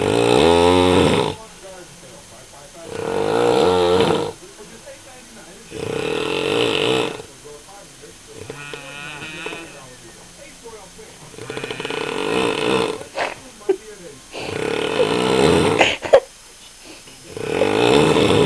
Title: My Dad Snoring